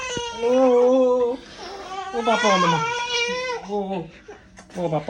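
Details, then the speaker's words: A 7-month-old baby girl gives a loud, sustained wailing cry with pitch rises and gasping breaks while missing her papa; an ordinary distressed infant cry. "എന്റെ പൊന്നേ എന്തൊരു കരച്ചില ശബ്ദം"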